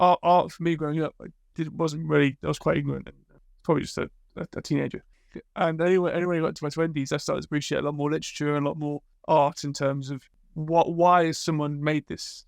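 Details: Adult man speaking; normal conversational speech.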